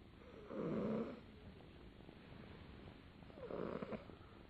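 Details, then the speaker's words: A sleeping male cat snoring beside its owner at nap time: two loud, rasping snores about three seconds apart, with faint room noise between breaths. "睡个午觉，他非得在旁边，而且发出这个呼噜，听听谁能睡着觉。"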